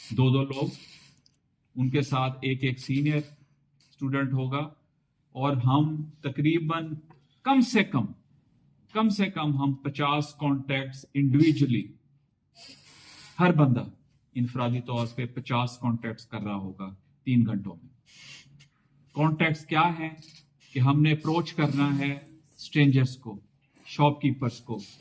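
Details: Adult man with a formerly fairly significant stammer, now speaking with fluency-shaping techniques learned at a stammering seminar; trainer judges him about 90% effective today.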